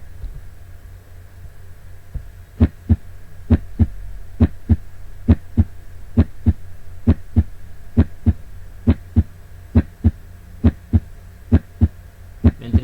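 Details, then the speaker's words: Normal heart sounds, regular lub-dub at about 67 beats a minute with a low hum, played with a cardiac-cycle animation of right and left ventricles; the sounds occur as the valves close. "se ven las cámaras del corazón a medida que van pasando los ruidos cardíacos ven como ventrículo derecho ventrículo izquierdo en como cuando se cierran las válvulas es que ocurre el ruido"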